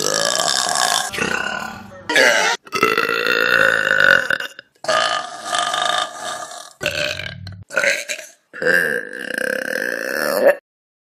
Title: Best Burps From Vine || #30 || February 2016